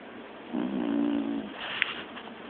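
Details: Snoring, with someone asking "You snoring?"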